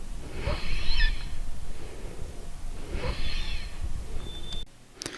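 Two breaths, each carrying high musical whistling tones of several pitches: a polyphonic wheeze from narrowed airways.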